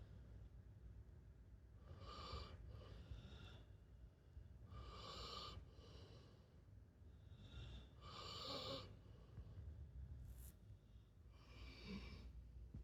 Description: Roko snoring.